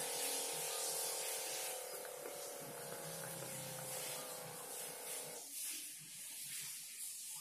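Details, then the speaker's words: Digital blood pressure monitor measuring own arm at home: steady pump hum as cuff tightens, stopping after about five seconds, music in background; reading 123 systolic given afterward; cuff inflating. "dia langsung akan mengukurnya udah mulai kenceng kalau kalian kelihatan aduh makin kenceng"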